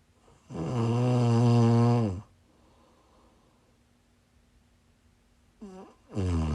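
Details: Snoring while sick, recorded during a live stream: a long, loud, rattling snore on the in-breath, a quiet pause, then the start of the next snore.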